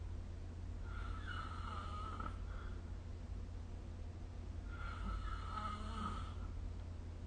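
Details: Snoring during sleep recorded with the SnoreLab phone app: two soft, rattling snores about four seconds apart over a low steady room hum; ordinary sleep snoring.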